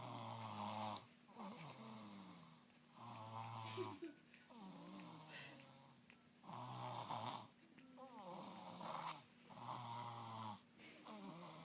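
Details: Snoring in a sleeping 3-year-old girl: rhythmic, tonal snoring sounds with each breath cycle, about 19 breaths a minute.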